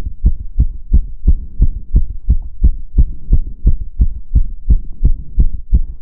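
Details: Own heart sounds recorded during step-up exercise (stair stepping): rapid, regular low thumps of a racing heartbeat, roughly 170 to 180 a minute, with faint movement noise between beats; fast heart rate from exercise.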